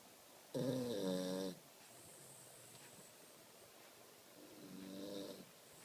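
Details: Snoring: two snoring breaths, a louder one then a softer one, with quiet room noise between.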